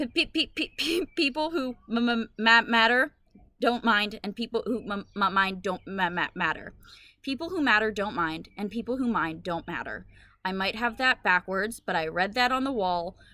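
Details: Woman with Tourette syndrome, a brain disorder causing sounds and movements she cannot control; vocal tics with echolalia in Tourette syndrome.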